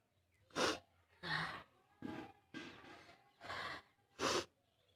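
Six harsh, explosive coughs spaced about a second apart, with a barking quality.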